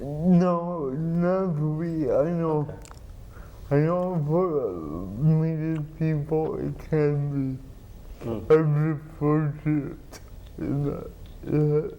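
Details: Adult man with cerebral palsy and dysarthria, who has had surgery to change out a pump; dysarthria (cerebral palsy).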